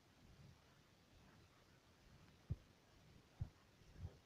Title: Heartbeat stethoscop 1,23